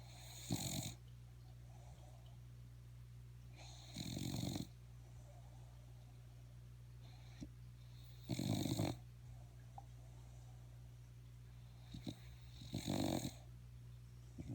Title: Buddy snoring :)